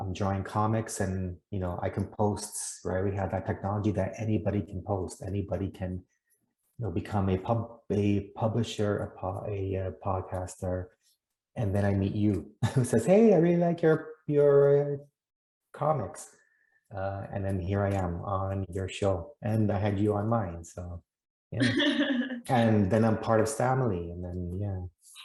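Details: 28-year-old man from the Netherlands who has stuttered since childhood, noticed it at about age seven and had speech therapy, speaking in an interview; stuttering.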